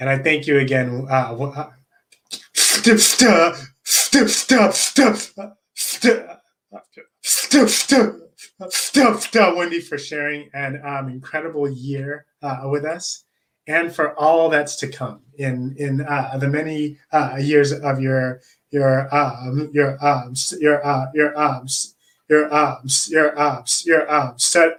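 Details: Adult man who stutters, with repetitions and long pauses: stuttering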